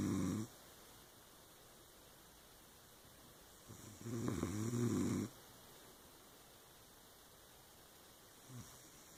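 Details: Ordinary snoring in sleep: two rough, rattling snores on inspiration about 4 seconds apart, with quiet between them.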